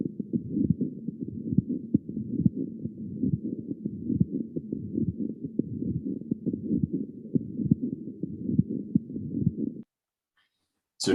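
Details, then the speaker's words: Regular heartbeat near 68 per minute with three scratchy, creaking-leather sounds per cycle in a patient whose endocarditis has progressed to involve the pericardium, previous murmur no longer heard; pericardial friction rub. "what we hear is we hear these scratchy sounds and there are three of them uh kind of like creaking leather um and this is this is a pericardial friction rub"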